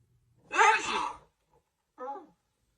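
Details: During a long sneezing fit on camera lasting 2 minutes 27 seconds, one loud, forceful voiced sneeze is followed by a shorter voiced catch of breath.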